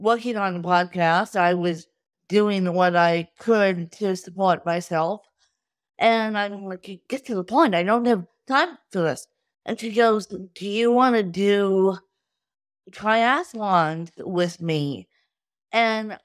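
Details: Adult woman with cerebral palsy from birth due to lack of oxygen at birth, a wheelchair user with difficulty speaking, sitting up and eating who tires easily; dysarthria (cerebral palsy).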